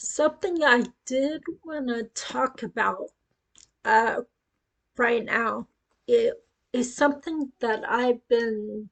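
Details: Woman with acquired cerebellar ataxia after a brain tumor at age 18; told it was non-progressive but reports it is now deteriorating, with her speech affected; ataxic dysarthria.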